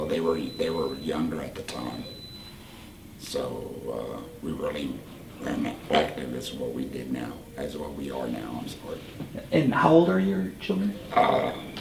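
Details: Adult man, 38, whose voice box was removed for cancer about four years earlier, speaking with a voice prosthesis and HME: tracheoesophageal speech after laryngectomy.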